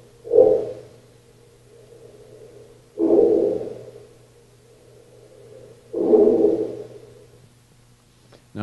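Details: Three loud rumbling snores about three seconds apart with quiet breathing between and a low steady hum, recorded overnight by microphone during a home sleep study; snoring.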